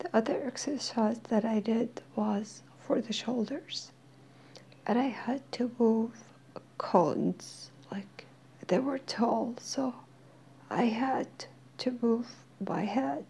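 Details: Dysphonia in a woman who is slowly regaining her voice while attending occupational therapy.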